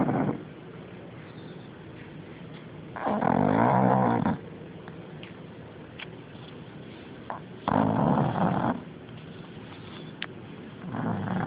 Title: Snoring Machine